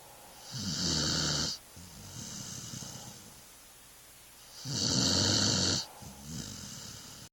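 Two loud, rough, rattling inward snores, each followed by a quieter outward breath; ordinary snoring in a sleeping dog.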